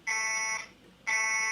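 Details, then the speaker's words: Two steady high-pitched electronic alarm tones separated by a short pause, from a demonstration emergency ventilator whose setting was deliberately pushed out of the acceptable range for a cloud monitoring system; ventilator alarm. "now we have our value out of range I'm gonna go ahead and pause that so it'll turn off the alarm you see that we just got a text message about the alarm so I just paused it by clicking the pause button"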